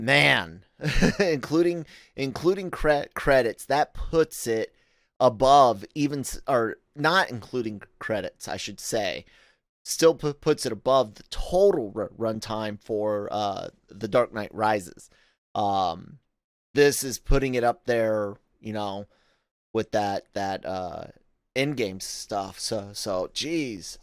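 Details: Adult male podcast host with self-acknowledged stuttering, in spontaneous speech with word and part-word repetitions and fillers; stuttering.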